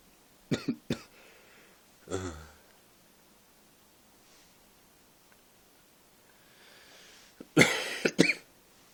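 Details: Irregular bursts of coughing, about six short coughs with quiet gaps and a throat-clearing sound; ordinary cough.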